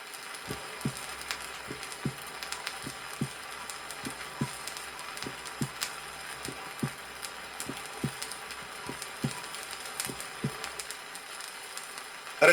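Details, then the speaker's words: Vintage 1963 teaching record: steady heart sounds at the apex of a young athlete with physiological splitting of the first heart sound. "прослушайте пример физиологического расщепление первого тона на верхушке у молодого"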